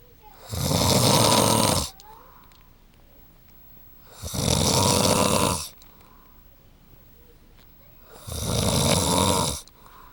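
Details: Adult husband snoring during sleep, wife hoping he will attend a sleep clinic: loud, harsh rattling snores on each breath in, about 15 a minute, with quiet pauses between.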